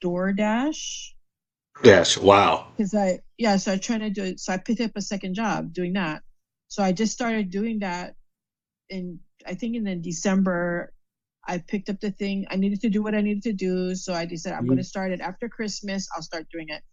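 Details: Adult female stroke survivor with post-stroke aphasia and word-finding difficulties, doing speech practice in her recovery. Finding: aphasia.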